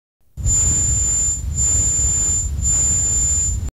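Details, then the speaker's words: Simulation of high-pitched tinnitus: a steady, piercing high-pitched whine over loud rushing, rumbling noise. "of course, one day that ringing never stopped. And at that point, I realized that I had tinnitus."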